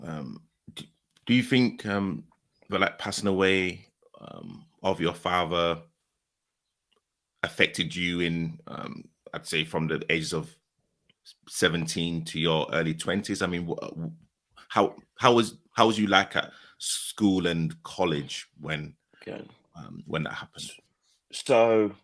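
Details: Adult male speaker; ordinary speech.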